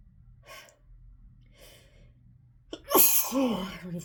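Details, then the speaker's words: Adult recording at work in rainy weather after being sneezy all morning: two quick stifled sneezes, then a loud gasping in-breath and a full, forceful sneeze, part of a sustained sneezing fit that worsens with talking; sneezing fit. "I don't even want to talk, because every time I try to talk, it just gets worse. Oh my god, you guys, I am I'm a mess."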